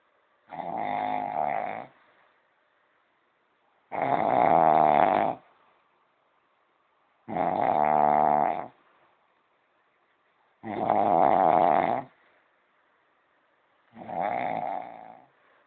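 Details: Person sleeping: five long, regular, rough snores with quiet pauses between them, about 18 a minute. Loud, rhythmic snoring during sleep.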